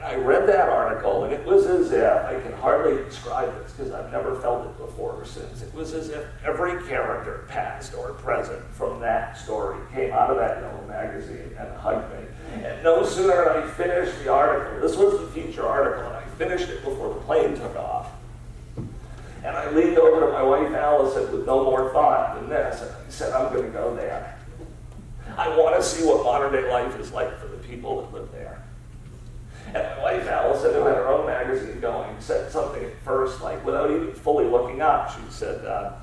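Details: Adult male CEO diagnosed about seven years earlier with spasmodic dysphonia, a rare neurological disorder affecting only speech with no known cause or cure; treated with periodic Botox injections; lacks consistent, comfortable use of his voice; spasmodic dysphonia.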